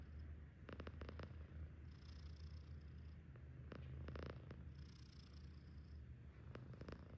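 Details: Himalayan cat asleep, loud snoring: a steady low rumble with rhythmic breathy, whistling surges about every three seconds, roughly 20 breaths a minute.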